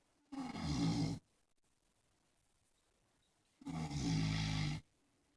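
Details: Heavy snoring from a person sleeping on a couch: two loud, harsh, rattling snores about three seconds apart with silence between.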